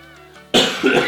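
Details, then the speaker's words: Single abrupt adult cough, with background music before it, caused by throat irritation from chili and garlic in the air after cooking. "um there's still a lot of chili and garlic floating around or adam's floating around in the uh air here in my little apartment um so yeah you'll hear me cough a little bit"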